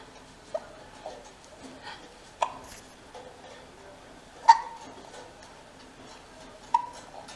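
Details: Infant girl with hiccups: sharp, brief hiccup sounds at irregular intervals, about four in seven seconds, with soft baby noises between; infant hiccups.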